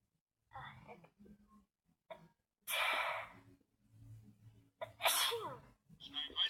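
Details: Two loud, sudden sneezes with an intake of breath before each, from a girl sneezing with her eyes open, among quiet talk; ordinary sneezing.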